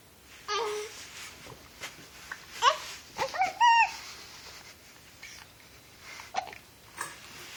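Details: Hiccups, likely in a dog: short, sharp, squeaky gulping sounds at irregular intervals in a quiet room, several with a brief rising-falling whine.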